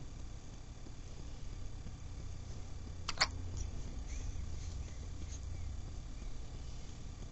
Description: has another bout of the hiccups.